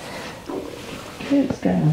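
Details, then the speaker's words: Loud stomach gurgling, low rumbling with short pitched growls, heard during a deep abdominal massage session (it is unclear whose stomach); ordinary bowel sounds (borborygmi). "my clients think that that noise is my tummy it sounds very loud it's very happy it's releasing and having a little party"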